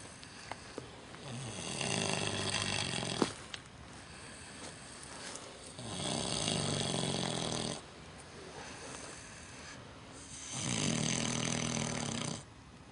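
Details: Micro pig snoring very loudly outdoors at night: loud, rasping snores, three long breaths of about two seconds each, about 14 per minute, with quieter breaths in between.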